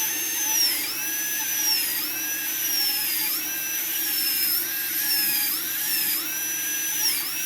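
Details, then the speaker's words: High-pitched dental drill whine dipping briefly under load at intervals: labial reduction (about 1 mm, target 1.2 mm) of an upper left canine on a practice model for a PFM crown, avoiding adjacent teeth, checked with putty index. "You have to be careful not to touch the adjacent teeth, and keep on checking from the putty."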